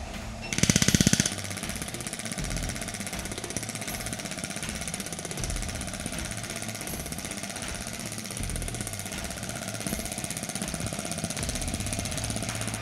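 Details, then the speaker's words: Kinewave Black shockwave therapy device delivering treatment at 20 mJ intensity; rapid steady mechanical tapping about three to four pulses a second over a constant machine hum; shockwave device firing. "Si quiero hacer alguna modificación durante el tratamiento, puedo hacerlo directamente desde el mando de aplicación y podemos comenzar el tratamiento cuando apretamos play."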